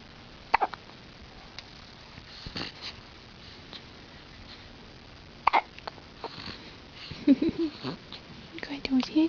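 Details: Someone with hiccups: sharp, brief, irregular catches with some faint voice sounds in a quiet room; hiccups.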